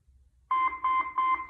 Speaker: I open it up and I turn it on and I do what listen to the Machine okay so I'm listening